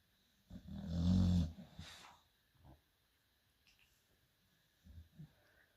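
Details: Rags, fast asleep during a storm, gives a little snore.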